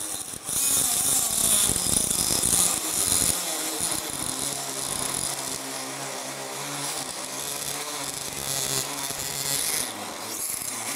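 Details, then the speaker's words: Loud, high-pitched buzzing whine of an oscillating saw making the anterior femoral cut in total knee replacement, steady with slight changes in load as the blade moves through bone. "اول كات انا بحب اخدها هي الانتيرير كات، ونخلي بالنا واحنا بنعمل ان احنا ان شاء الله ما نعملش نوتشنج."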